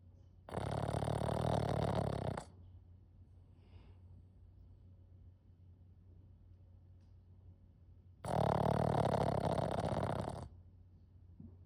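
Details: Pixl, a sleeping pug puppy, in a deep snore: two loud, rough snorting snores about eight seconds apart with quiet breathing between.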